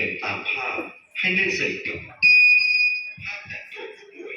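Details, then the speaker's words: Simulated cardiac arrest training on a manikin: the AED, pads applied, gives spoken prompts and a steady high-pitched alarm tone advising a shock, then charges with a red shock button lit; AED shock-advised alarm. "มันจะดูแบบทีนี้เครื่องแนะนำให้ช็อตครับ"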